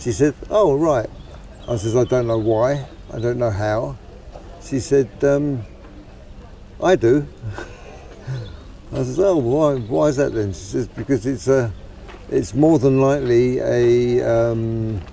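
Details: Acquired stammering in an adult man with Parkinson's disease, starting about two years earlier, suspected side effect of deep brain stimulation (DBS) surgery; prior accident with head trauma; DBS settings being reduced.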